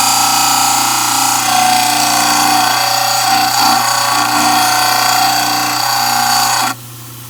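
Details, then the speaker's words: Loud, steady motor whine with gritty grinding as a model trimmer adjusts one side of a dental stone study model. The corners were rounded and occlusion checked against the opposing arch; it stops abruptly near the end. Dental model trimmer grinding. "I think I'm going to adjust this side just a little bit more."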